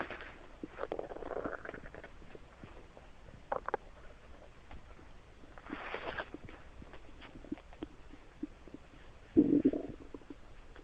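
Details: Further stomach noises; stomach rumbling (borborygmi).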